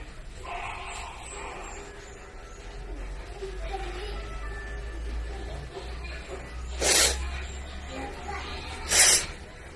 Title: Wide Nose Sneezes Philippines.